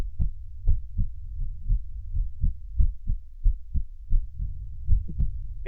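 Regular paired low heart thumps at about 75 a minute, computer-reconstructed from earbud audio, normal heart sounds.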